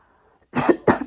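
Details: Two short, harsh coughs from an adult woman who is sick.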